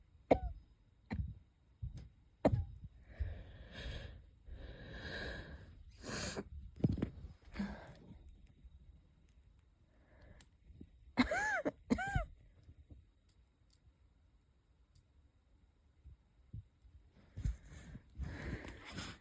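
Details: light wheezy coughs with a couple stifled sneezes, whistling quality suggesting airway narrowing; person unsure whether a cold is starting or asthma is flaring; wheezy cough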